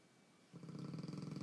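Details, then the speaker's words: A dog snoring, about a week into recovery and feeling a little better: after a moment of quiet room sound, a low, rapidly fluttering rasp on a single breath. "she's snoring she is feeling a little better we're a week out so she's feeling better"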